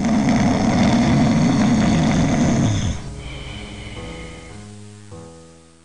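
A long, loud, rough rattling snore, then music fades in. Snoring.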